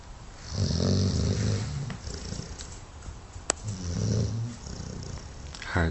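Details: Snoring from a sleeping female Dogue de Bordeaux, also running in her sleep: loud, rough, low rumbling snores with household noise in the background.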